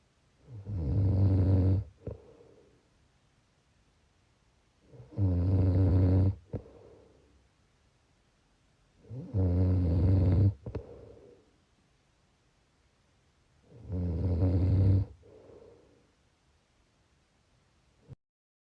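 Four loud, rattling inhaled snores at regular intervals, about 13 breaths a minute, each followed by a softer exhale; snoring.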